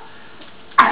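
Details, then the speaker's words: A young girl who is a little ill gives one abrupt cough in the background of a quiet room, cut off mid-sound. "my little sister's a little bit ill so that's who you can hear coughing in the background"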